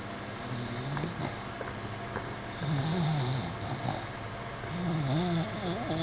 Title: OUR SNORING DOGS